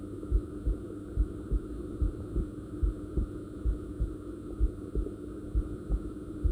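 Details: Regular low thumps at about 70 beats a minute under a steady hum, recorded alongside the same person's stomach growling; normal heart sounds.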